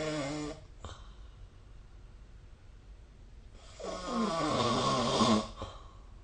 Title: 🐽 Snoring Sleep Sound